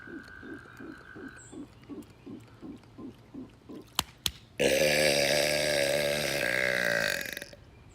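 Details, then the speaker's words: Man burping deliberately at frogs as though making a mating call: frogs croak in a steady rhythm, then one long, loud, deliberate burp follows. "we're gonna be burping with the frogs the frogs mistake my burps for a mating call because that's exactly how they're sound"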